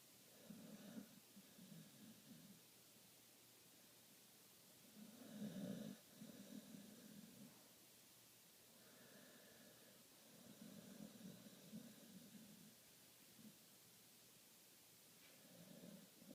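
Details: 5-year-old American bulldog and pit bull mix snoring while asleep and dreaming: repeated low rumbling snores with each breath, about 4–5 breaths, in a quiet room; snoring.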